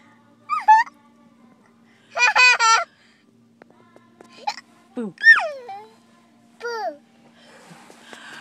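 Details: Baby's giggles and squeals while waiting in a car, broken by short, abrupt voiced catches: hiccups during laughter.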